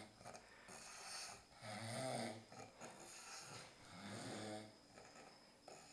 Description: ken the pancho look alike sleeping and snoring looking very uncomfortable!